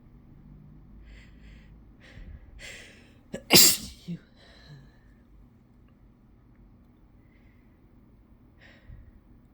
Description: Inducing myself and then just letting them out, because I wanted to